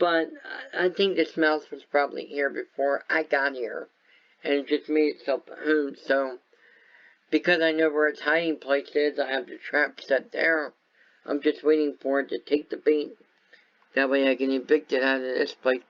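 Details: Speech and voice impairment in an adult man caused by viral meningitis with a fever of about 105 at about six weeks old, which also affected his walking, eyesight and hearing.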